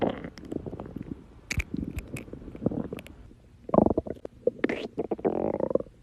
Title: tiktok girl's stomach growling 4